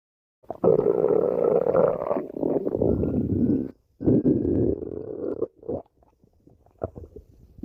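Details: Badger: long, low gurgling rumbles with a groaning, drawn-out tone trailing into shorter bubbling gurgles. Stomach growling (borborygmi).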